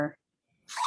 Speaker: where oh my dog sneezed i don't know if you heard that but it wasn't me